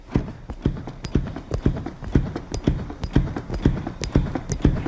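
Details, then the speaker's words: Regular firm thuds at about 120 per minute from hard, fast hands-only CPR chest compressions on a training manikin, rescuer kneeling with knees shoulder-width, bending at the waist; demonstration. "and then you're just going to bend at the waist, and you got to go hard and fast. So I'll give you that good demonstration."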